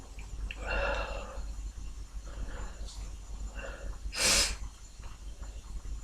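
Sniffing and snorting breaths over steady low background hum, then one sharp explosive sneeze.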